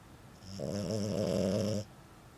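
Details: Snoring in a sleeping French bulldog that had surgery to widen its nostrils: a single low, rattling, drawn-out snore of over a second in a quiet room.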